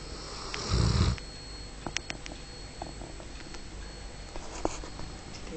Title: my brothers bull arab snoring